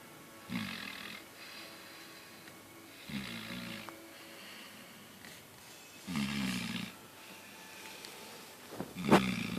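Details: Irregular snorting snores from a sleeping dog, about 20 a minute, with faint room noise; snoring.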